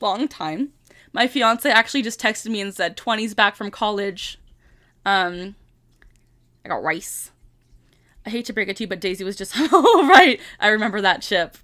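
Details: Vocal tic in a 25-year-old woman with Tourette syndrome, tics since about age 3 and diagnosed at 12; a repeated tic phrase is said aloud mid-sentence, interrupting ordinary speech.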